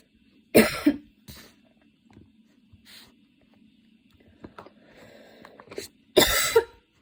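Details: A few sharp cough bursts and throat clearing with quiet breathing between, against a low room hum, during a coughing fit that worsened while studying, with the person changing positions for comfort.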